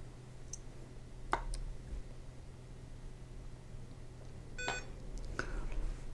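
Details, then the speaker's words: SAV04 pressure-cycled small animal ventilator delivering IPPV through a T-piece circuit: soft valve clicks and a short electronic beep marking each delivered breath over a low hum; the breath beeps can be muted with the right-hand knob. "beeps you hear can be quieted or muted by pushing and holding the right hand knob and return to use by pushing and hold in the right hand knob again"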